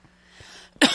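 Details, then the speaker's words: Adult man speaking: faint breathy noise, then one loud harsh cough burst at the end, a single cough during talking; he calls it a coughing fit of unknown cause. "So sorry, I had a coughing fit there. I don't know where that came from."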